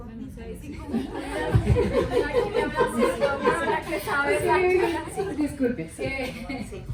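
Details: Adult woman with aphasia for 13 years after a left-hemisphere stroke from a ruptured aneurysm with haemorrhage; she could not speak, read or write for about a year and a half; finding: aphasia.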